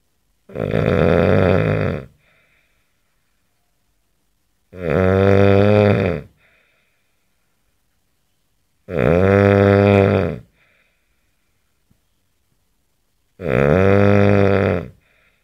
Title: ACTUAL SOUND OF A MAN SNORING